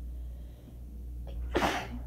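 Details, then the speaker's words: Allergy attack after waking from a nap, following days of constant sneezing; A/C turned off, neighbours' TV audible: a quick inhaled catch, then one rough, scraping, explosive sneeze over steady room hum. "I've been sneezing so much over the past few days that I just didn't want to use paper towels anymore. Oh, and it just won't fucking stop."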